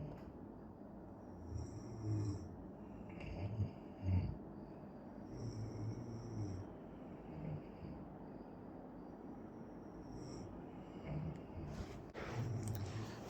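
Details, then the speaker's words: Two adult friends asleep in an air-conditioned room after a big meal: repeated low, rumbling snores roughly every two to three seconds over steady room noise. "আর দেখো আমার বন্ধুরা সবাই ঘুমিয়ে পড়েছে নাক ডাকছে literary এবার শোনো"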